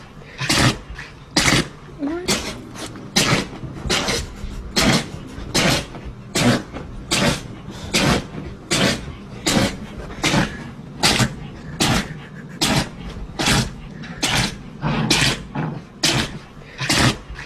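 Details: Dog sneezing in a rapid run of about twenty sharp bursts, roughly one every second; repeated sneezing.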